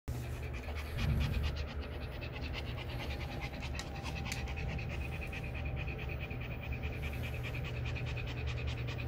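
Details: Rapid, steady panting breaths from a puppy after an evening walk taken to avoid the heat; normal cooling panting.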